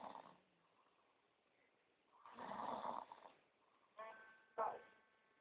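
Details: Sleeping adult, after staying up about 36 hours: one long, rough, fluttering inspiratory snore then two short snorting bursts over quiet room noise; ordinary snoring.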